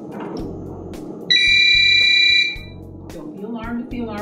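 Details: HeartMate II LVAD controller alarm: a loud, steady, high electronic tone lasts about a second over a low hum and a voice, as the patient switches from external batteries to the AC power module.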